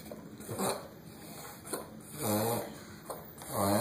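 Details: Dog with a terrible, severe cough: short, harsh coughs between honking, strained breaths, struggling to catch its breath; labored breathing.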